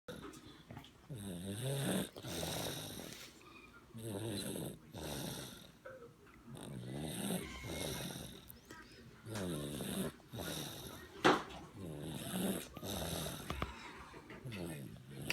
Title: snores